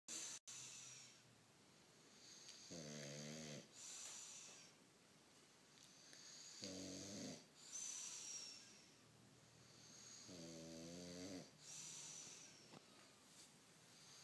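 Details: English Bulldog sound asleep and snoring: three regular buzzing, vibrating snores on the in-breath, roughly one every four seconds, with quieter out-breaths between.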